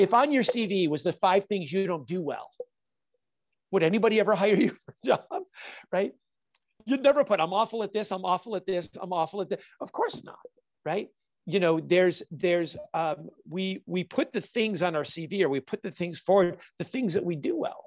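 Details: Adult man with stuttering, a fluency disorder since childhood; he says he stutters all the time, not only when nervous.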